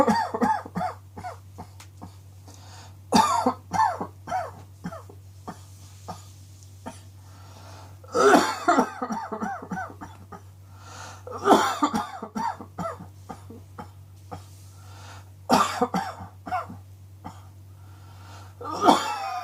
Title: Cross Dressing Coughing 19